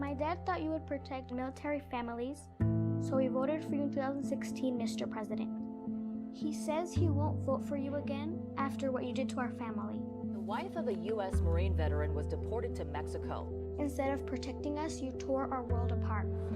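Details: Adult speaker; normal speech.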